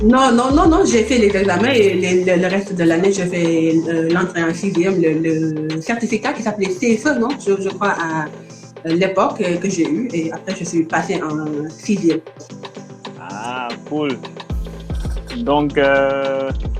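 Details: Adult woman who stutters and is working to overcome her stuttering; stuttering.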